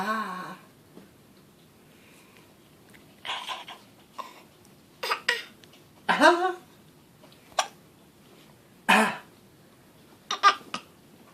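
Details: Deliberately faked coughing, simulated rather than real.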